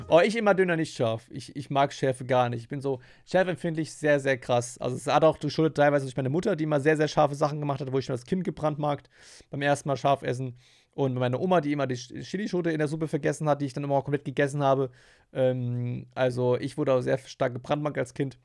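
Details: Adult man; typical speech.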